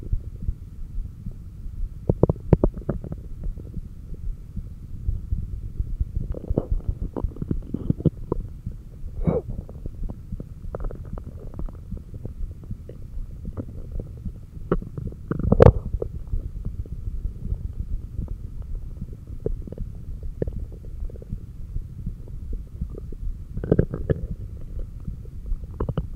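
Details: Stomach growling (bowel sounds) picked up by a stethoscope placed at the cardiac apex during breathhold exercises with stomach vacuums: loud, irregular gurgling and rumbling bursts over low background heartbeat thumping.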